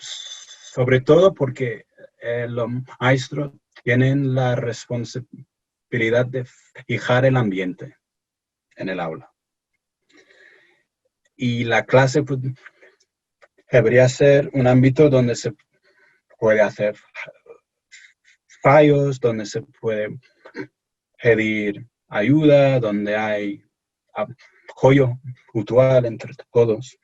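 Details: Stuttering in an adult male from England speaking Spanish as a second language in an interview.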